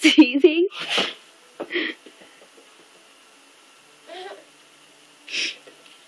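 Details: Baby who has watched a parent with a cold sneezing squeals, then gives several short, breathy sneeze-like bursts, imitating sneezing rather than true sneezes.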